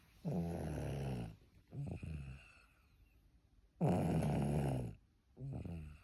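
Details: Sleeping baby girl: rhythmic rattly snoring on each breath in, softer on each breath out, two breath cycles; ordinary infant snoring.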